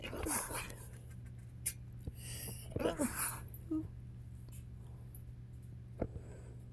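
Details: Repeated sharp sneeze bursts, loudest near three seconds, over low room hum, triggered by inhaling fine airborne pepper dust stirred up while sweeping spilled pepper off the floor; sneeze.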